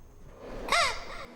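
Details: Brief, high, squawking whistle-like tone that rises and falls over room noise, from a third-class schoolboy who swallowed a whistle while playing; doctors found it lodged in his throat and removed it surgically. Whistling sound from an inhaled whistle (airway foreign body).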